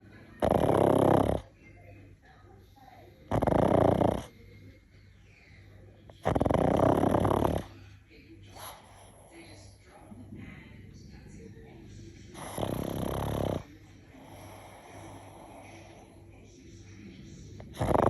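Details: Sleeping pug: four loud, rough, rattling snores in about 18 seconds, with quieter breathing between; snoring.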